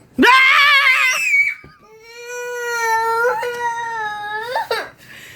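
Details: Child crying: a loud, high-pitched wailing cry, then a long, steady sustained cry in a small room; ordinary child cry.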